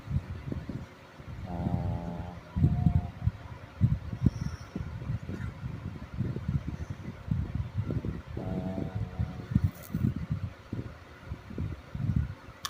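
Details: Sleeping pug snoring loudly, with low rumbling breaths and two drawn-out buzzing, tonal snores.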